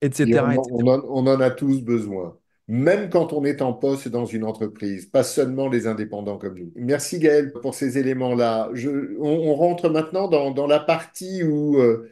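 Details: Adult male speaker; typical speech.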